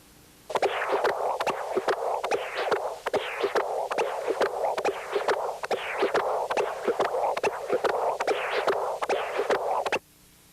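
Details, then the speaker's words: Continuous-wave Doppler of a Starr-Edwards ball-cage mitral prosthesis during supine bicycle exercise, heart rate rising from 62 to 90/min. Rhythmic whooshing flow signals, spectra intermittently lost. Mean gradient rose from 4 to 7 mmHg with exercise. "this is a continuous wave examination from the same patient with the star edwards mitral prosthesis supine bicycle exercise was used and the heart rate increased from 62 to 90 per minute"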